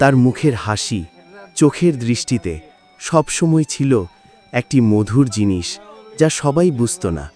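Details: Adult male narrator; Normal fluent speech.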